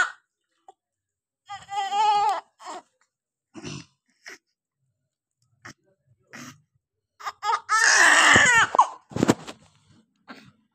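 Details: Newborn girl just after normal vaginal delivery: crying in bursts with quiet pauses and a little room noise, a normal first cry as the baby starts breathing on its own.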